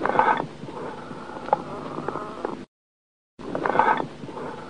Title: 3 Amphoric Breath Sounds